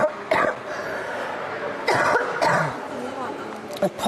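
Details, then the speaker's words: Coughing from an adult commentator who says they picked something up on the plane after a long journey; cough. "apologies we can hear that coughing I had a long journey to get to crew and I seem to pick something up on the plane"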